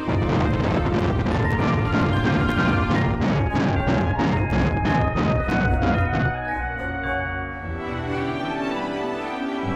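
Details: Fetal heartbeat on Doppler ultrasound in early pregnancy (6 to 9 weeks): fast, regular whooshing beat about 189 per minute, partly masked by background music.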